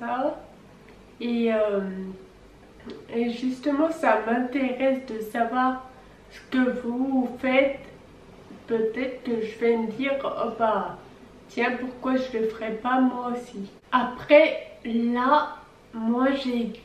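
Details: 26-year-old French-speaking woman with Friedreich's ataxia, a genetic neurodegenerative disease that began at age 10; ataxic dysarthria.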